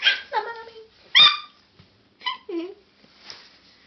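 Two short, sharp voiced catches about a second apart in a quiet room, the first forced and the second involuntary: hiccups.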